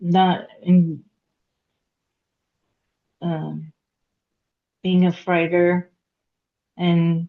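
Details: Aphasia in a woman after a hemorrhagic stroke at age 36 (September 2018); she could not talk for 2 years and now speaks after recovery.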